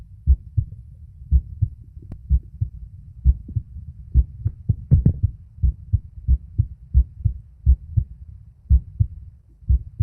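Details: Adult male recording his own heart at the auscultation sites with a phone microphone: regular two-part heartbeat, about 70 beats a minute, with some rubbing noise; normal heart sounds.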